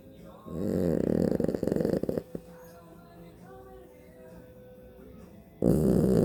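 Loud vibrating, fluttering snore lasting almost two seconds, a quiet pause, then another snore beginning: snoring.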